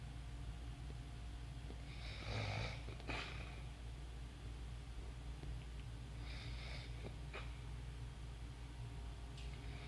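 Two rough, rattling snores about four seconds apart over steady low room hum; ordinary snoring during sleep.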